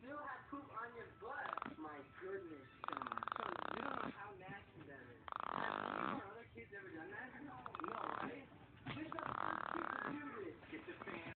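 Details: Woman snoring: loud rasping snores recur every few seconds, with softer snuffling breaths between; ordinary snoring.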